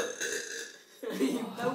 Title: Burping Competition